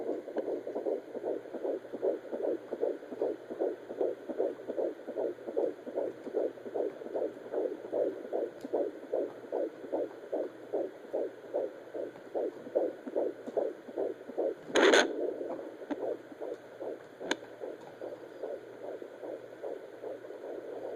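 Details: Fetal heartbeat on Doppler at 18 weeks of pregnancy, with the baby moving and the probe repositioned; rapid, regular whooshing at about 150 beats a minute, a normal rate.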